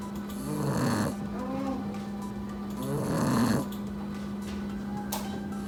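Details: Puppy napping after playing hard, snoring loudly: loud rattling snores on each breath in, about 24 breaths a minute, over a steady background hum.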